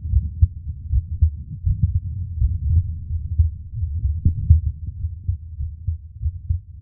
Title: [ASMR] Relax To My Heartbeat For Sleep ❤️ 😴